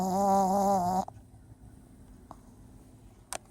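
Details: A surprisingly loud snore from a small sleeping pet on its owners' bed: one buzzing, tonal snore of about a second, then quiet breathing with soft clicks; snoring.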